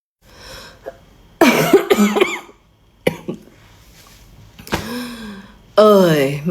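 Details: Several harsh cough bursts, some voiced and throaty, from an adult woman with a cold, described as coming from deep in the lungs; cough.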